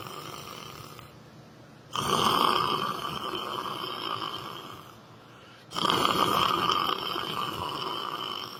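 Two long, loud, rough breathing noises about four seconds apart over steady room noise, fitting snoring.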